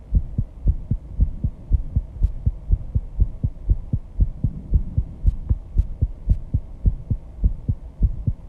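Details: Own heartbeat after intense exercise with heavy breathing: pounding, fast heartbeat at 134 bpm, audible without a microphone at the start; rapid heartbeat after exercise (sinus tachycardia).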